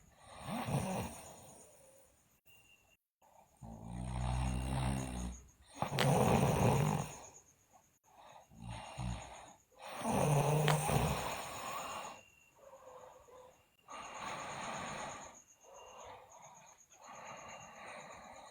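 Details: Slow, loud rattling snores on each breath in, about 15 a minute, with steady room noise, from a sleeping girl; loud snoring.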